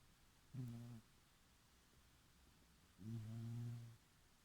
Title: My cat snoring and dreaming